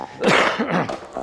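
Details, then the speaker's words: Man who has had pneumonia for a year and has been coughing for 12 months: a harsh, forceful cough burst with a rough, throaty quality, then a brief second effort. "So I reckon I've been coughing my guts out for the last 12 months on films."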